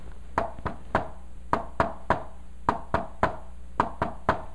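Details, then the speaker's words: Imitated left-sided S3 gallop at the apex, heard with the patient in left lateral decubitus: repeating groups of three sharp knocks, an extra third sound after the two heart sounds. "now here's the trick guys when you listen there's a left-sided s3 at the apex you place the patient on the left lateral decubitus position and you can hear this sound"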